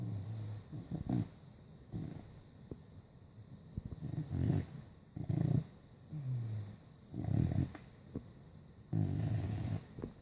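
Low, snorting rumbles with each breath, roughly six over ten seconds; a dog snoring in sleep.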